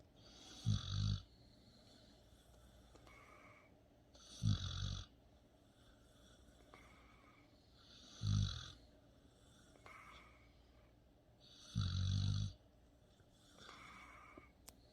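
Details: Four snorting, rattling snores about every 3.7 seconds, roughly 16 a minute, with softer exhalations between: snoring in a sleeping dog.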